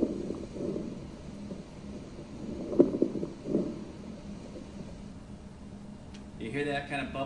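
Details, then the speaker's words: Patient with very short inspiratory time: soft, low breath sounds with faint bubbly crackling at end of inspiration, attributed to fluid in alveoli popping open; crackles (rales). "sound at the end of inspiration that's the RS so it's going to sound like a bubbly sound or a crackling sound a lot of times we get that crackling sound that we call Ral and that's because fluid is in the alveoli and when air enters the alveoli it pops the Alvi open and that's what causes kind of crackling sound"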